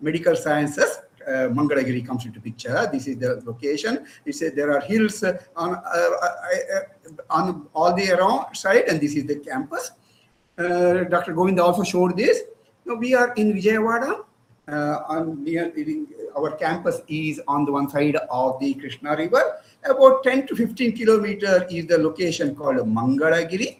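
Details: Adult male speaker, lecture; normal speech.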